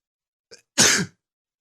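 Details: Short intake of breath, then one loud, explosive sneeze from an adult with allergies acting up in the morning, with sniffling; allergic sneeze.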